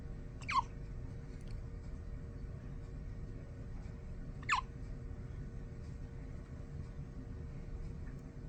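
Two brief, sharp hiccup sounds about four seconds apart from a newborn, over steady low room noise.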